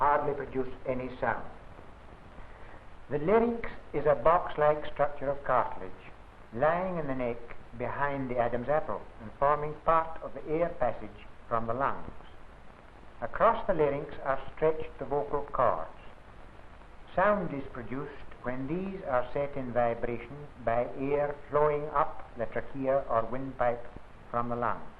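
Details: Adult male narrator; normal speech.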